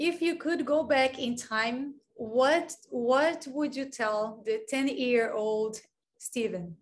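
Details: Adult speaker (interviewer); typical speech.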